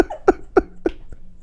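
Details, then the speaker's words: Podcast host laughing and coughing, describing himself as wheezing; cough. "I sound like an idiot I'm like wheezing oh my God this is what I said you can't be doing [ __ ] coughing the whole [ __ ] time we're doing this Steve right had to get that out"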